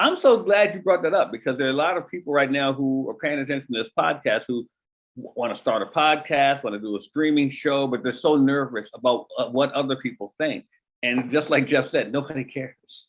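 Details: Adult speaker; normal speech.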